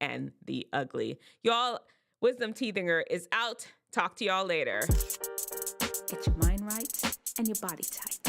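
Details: Adult speaker; normal speech.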